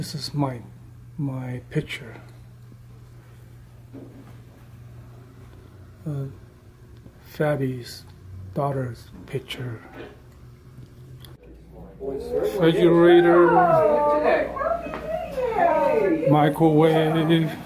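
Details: Vlogger with aphasia after a stroke, speaking in their own daily-life vlog; aphasia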